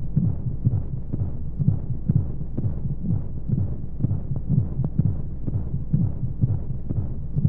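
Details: Womb sound for baby sleep: muffled, rapid, low heartbeat thumps at about 125 a minute under a steady whoosh of white noise and monotonous flowing sounds. Heartbeat.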